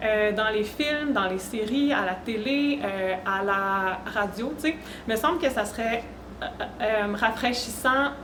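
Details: Real stuttering in an adult woman who reports her stuttering involves blocks, sound prolongations, repetitions and tension when speaking.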